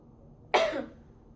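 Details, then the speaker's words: Woman patient gives a single short deliberate cough after holding her breath, on a nurse's request, to bring up sputum into a sample container during effective-cough teaching; voluntary cough. "Caranya tadi ee caranya seperti tadi ee Ibu tahan nafas, tahan beberapa titik, lalu batukkan. Nanti ibu batukkan ke dalam portum ini."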